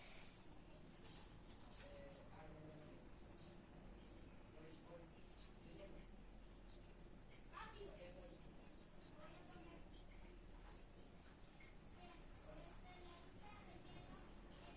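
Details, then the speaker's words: Abdominal auscultation of a female patient with a stethoscope placed over any abdominal region: occasional soft gurgles over a steady low hiss, about 15 sounds a minute, within the normal 5–30 range; normal bowel sounds. "Bien, esta paciente tiene alrededor de unos 15 ruidos por minuto, lo que quiere decir de que está dentro del rango normal."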